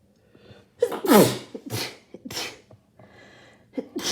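Several forceful sneezes close together with quick gasping breaths between; rapid repeated sneezing during a cold.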